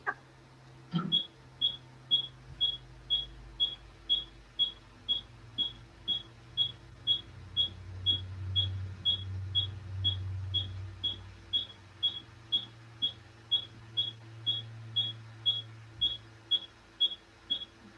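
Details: Steady, regular high-pitched clicks about twice a second, intense pulsed light pulses during an IPL photofacial on a patient's face for a few stubborn spots after multiple treatments, faint room noise.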